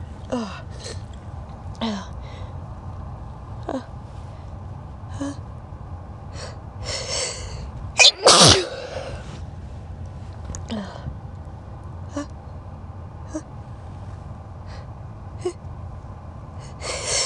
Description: In this video I just sneeze and do some build ups